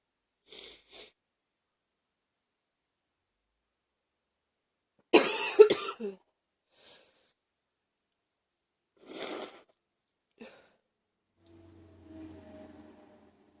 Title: # 19 Cold... sniffling and coughing a bit